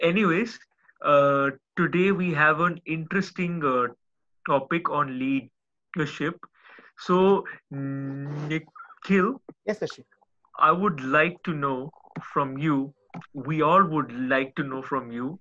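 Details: Adult male speaker; speech.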